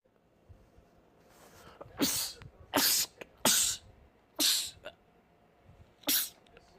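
Rapid run of about five explosive sneezes within a few seconds, with brief breaths between: a sneezing fit.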